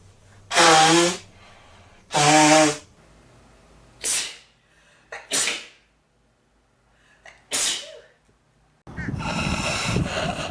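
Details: Male sneezing: two voiced sneezes, then several sharp sniffs and a prolonged nose blow at the end.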